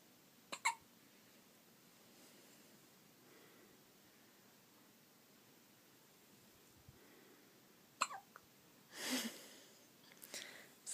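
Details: Hiccups: a few short, sharp, squeaky hiccup sounds at irregular intervals, each a sudden brief catch, against faint room hiss.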